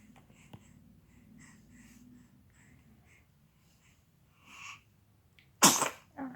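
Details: An infant (baby) gives one sharp, sudden sneeze after quiet breathing and soft room noise, followed by a short sound; baby noted as sneezing and coughing.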